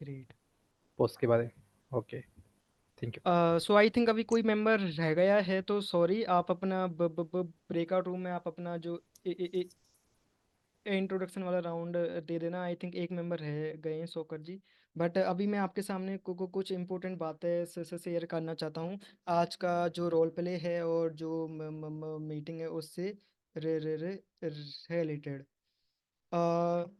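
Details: Stuttering in an adult man hosting an online stammering support group role-play session, with part-word repetitions while explaining the session.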